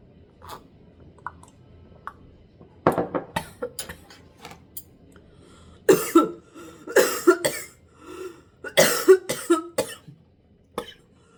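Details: Incidental household noise during an eating recording at home: several short, harsh cough bursts in a quiet room, with a pause between groups; ordinary coughing.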